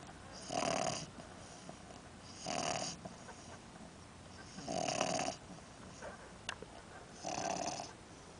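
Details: A little child snoring while taking a nap: four rhythmic snoring breaths, about 26 a minute, each with a rough fluttering tone.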